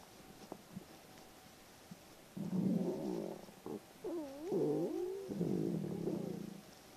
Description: In the morning my stomach tends to get gurgly. So I filmed it a few times in the morning and edited some of my stomachs greatest hits together!